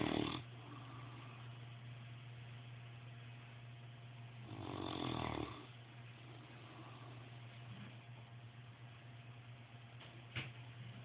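Soft snorting snores about four seconds apart over a steady low hum in the room; snoring.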